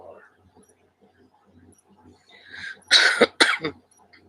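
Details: Cough from an adult during a morning chat.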